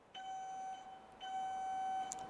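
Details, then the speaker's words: Heal Force EB03 electrosurgical generator: two steady high-pitched tones, each about a second, sound as the yellow button on the monopolar pencil is pressed, confirming cut mode is active. "this pencil controls the two modes one is cut and one is coagulated when we press the yellow button this function is on"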